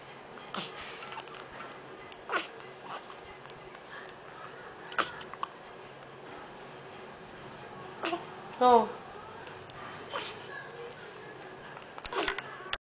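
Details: Baby girl with hiccups: short, sharp hiccup bursts every two to three seconds, with one brief squeaky vocal sound.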